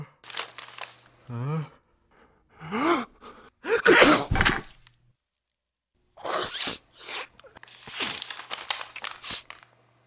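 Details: Simulated cartoon sound of the dog Odie: a series of sharp gasping in-breaths and forceful sneeze-like bursts from a cartoon soundtrack.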